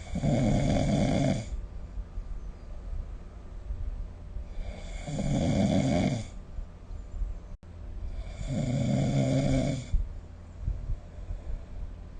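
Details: Three loud, low, rattling inhaled snores about every four to five seconds, roughly 13 breaths a minute, quiet between; ordinary sleep snoring recorded with a smartphone snore-recording app.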